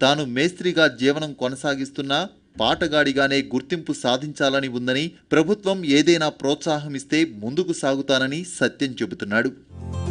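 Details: Adult male narrator; normal fluent speech.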